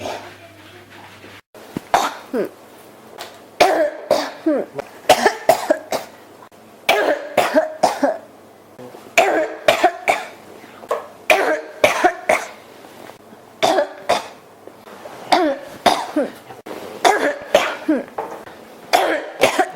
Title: 咳が止まらない 32～40 cough